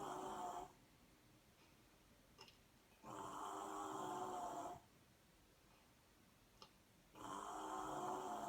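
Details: Long, rough snores on each in-breath with quiet pauses between, about 15 breaths a minute, from a drunk person sleeping in Stuttgart; snoring.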